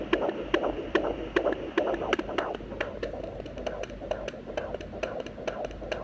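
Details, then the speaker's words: Rapid, regular whooshing fetal heartbeat at about 146 a minute, within the normal range, heard with a home fetal Doppler on the pregnant mother's belly while the baby girl kicks. "that's our heartbeat I love hearing it"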